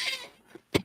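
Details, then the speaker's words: Adult whose cough has persisted for five weeks: a faint breathy sound fades out, then a single short, sharp cough. "that's going good and as you can hear I still haven't got rid of this cough it's now week five"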